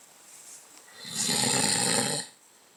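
A single loud, rough, rattling snore on breathing in, lasting about a second, against a quiet room.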